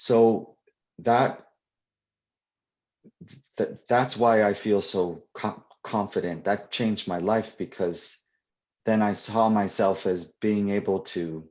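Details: Adult poet and children's author who stutters, answering questions in a live Q&A at a 2021 convention; real, not acted; stuttering.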